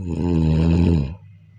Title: sleep listening to snoring/النوم والاستماع إلى صوت الشخير ، والنوم جيدا ، والاستماع إلى صديق للنوم.